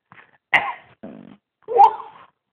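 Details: 2-month-old infant girl trying to make herself cough gives two short, soft cough-like bursts with a brief throaty grunt between them; she ended up pooping: infant voluntary cough.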